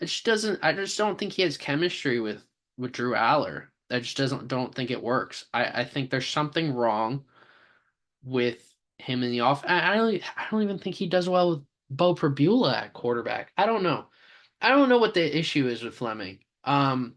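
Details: Stuttering in an adult male sports podcast host who says he has a stammer.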